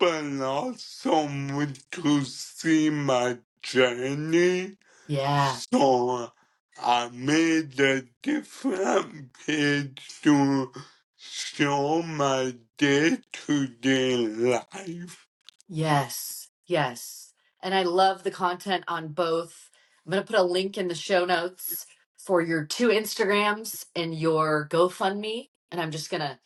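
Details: 27-year-old man with cerebral ataxia present from birth, diagnosed at 15, which he describes as degenerative and affecting his coordination, talking and movement; ataxic dysarthria.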